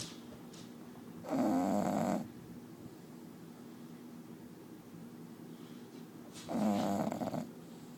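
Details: Sleeping bulldog snoring: two loud, rattling snores about five seconds apart, around 12 a minute, over a steady low background hum. Snoring.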